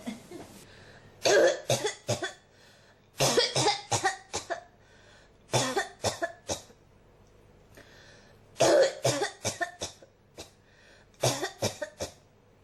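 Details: An adult coughs in repeated fits of three to five coughs, about twenty coughs in twelve seconds: a persistent cough that will not stop.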